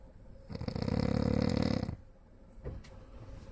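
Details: Man snoring in public: one loud, rattling snore on an inward breath lasting about a second and a half, then quiet breathing; ordinary snoring.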